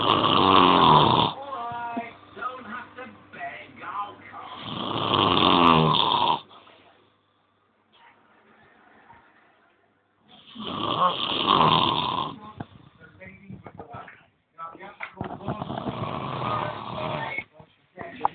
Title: snoring from hell,2